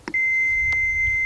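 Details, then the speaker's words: AED training demonstration for compression-only CPR: the defibrillator is switched on by pushing its green button, giving a click and then a single steady high-pitched power-on beep. "you open the case and sometimes the AED goes on automatically but in this case you push the green"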